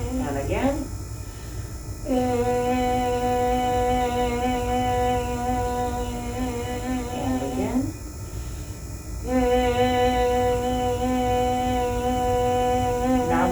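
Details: Sustained "e" phonation, low then gliding low to high, during laryngoscopy in a 47-year-old woman in muscle tension dysphonia therapy; bilateral vocal fold nodules with anterior and posterior gaps and increased vascularity.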